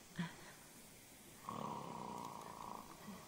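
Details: Snoring from a man in his 50s with hypertension under intravenous sedation during upper implant placement and sinus floor elevation (24–27 region): a brief soft snort, then one sustained low rasping snore; quiet room noise.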